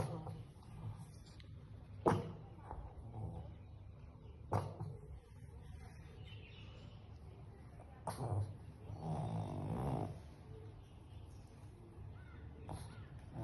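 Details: Hiccups in a sleeping pug puppy: sudden short sharp catches of breath, a few seconds apart, between quiet snuffly breaths.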